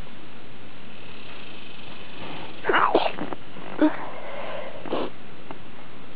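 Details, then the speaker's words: Deliberate stifled-sneeze demonstration: two or three muffled, held-in sneezes, each a short hissing burst instead of a full 'achoo', over steady background hiss; the sneezer says stifling gets harder after several. "ow make my head blow up I think it gets harder to stifle them um once you've already done a few"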